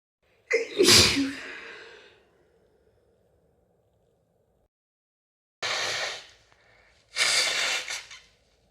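Three loud, explosive sneezes, the first with a long trailing breath, separated by quiet pauses.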